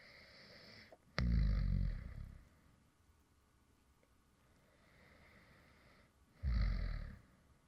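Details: Light snoring recorded when the creator really fell asleep while recording a previous video: two soft, low rattling snores on the in-breath about five seconds apart, with quiet breathing between; snoring during sleep.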